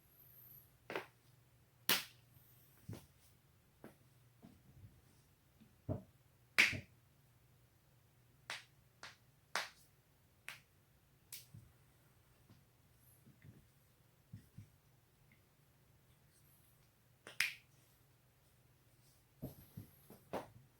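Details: Self-cracking of neck and back joints: repeated sharp pops and clicks, about 13 a minute at irregular intervals.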